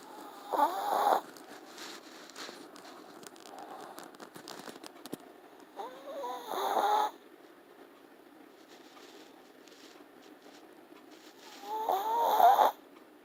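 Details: Long-haired teacup Chihuahua sleeping: three loud, whistling, rattling snores, about 11 a minute, with quiet gaps between; snoring.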